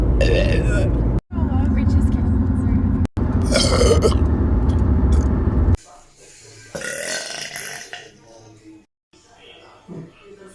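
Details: Compilation of girls burping: several loud, long belches, the later ones quieter, with brief silent gaps and background music; burping.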